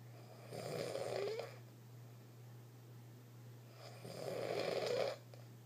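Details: Dog snoring in sleep, sounding as if breathing through a balloon.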